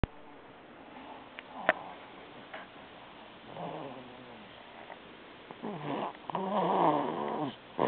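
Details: Quiet room with a few soft, raspy, nasal-sounding breaths during sleep, growing louder toward the end; snoring.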